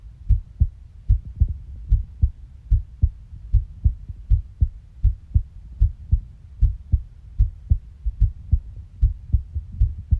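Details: Steady paired lub-dub heart sounds at about 75 beats a minute, with low background rumble.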